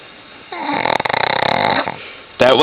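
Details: Sleeping female Shih Tzu snoring heavily: a loud, rapidly fluttering, snort-like breath lasting over a second, then a quieter tail.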